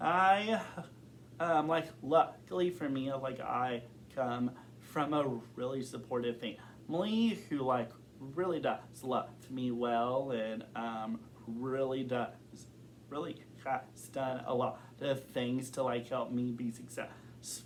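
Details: Adult man who has stuttered since kindergarten, reporting recent blocking and severity and form varying over time; stuttering.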